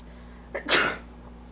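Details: A short in-breath, then one loud, explosive sneeze that fades quickly in a quiet room, from a person allergic to their cat, with the cat nearby; sneezing.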